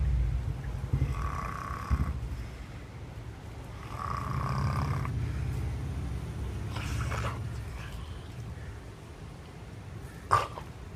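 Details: Sleeping German Shepherd dog whose nose was bitten off by a leopard, now breathing only through the mouth: low rumbling snores about three seconds apart over steady room noise, with a snort near the end; snoring.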